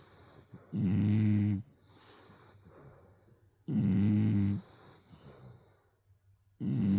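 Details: English bulldog snoring in sleep: loud, deep, fluttering snores about 20 a minute, with softer wheezy breaths out between them.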